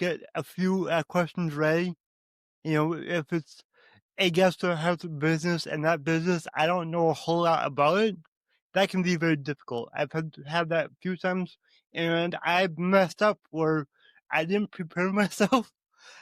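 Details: Adult man with cerebral palsy (level two), who reports his hands don't work right and he walks and talks differently; dysarthria due to cerebral palsy.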